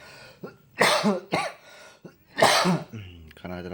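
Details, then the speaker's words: Adult with a dry cough and itchy throat: several harsh, dry coughs in short bursts with throat clearing between them. "Kebetulan gua lagi sakit kering, tenggorokan gatal."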